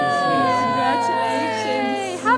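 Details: Newborn baby girl's first cry right after delivery, at a maternity hospital: a sustained, high-pitched, wavering cry with a rising squeal at the end, over faint music.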